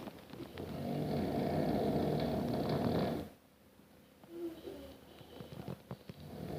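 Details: Adult husband snoring loudly in bed at night, too loud to sleep through even with earplugs: one long, loud, rumbling snore followed by quieter breathing and faint room noise; adult snoring.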